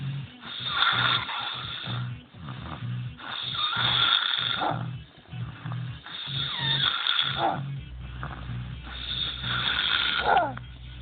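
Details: Snoring: loud, rough, rattling snores repeating about every three seconds, roughly 20 a minute, over a steady low hum.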